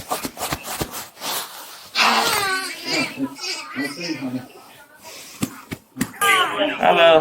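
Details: A 22-day-old infant, found unconscious and choking, cries amid urgent adult voices after officers clear the airway blockage with back slaps: crying returning once the choking is relieved.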